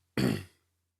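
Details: Adult man's throat clearing during a podcast recording, amid repeated coughing: one brief, low, rough throat-clearing sound over a steady low room hum.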